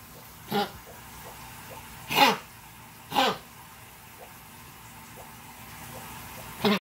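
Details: Cough sample: four short, separate, forceful coughs in a quiet room, the last one cut off at the end.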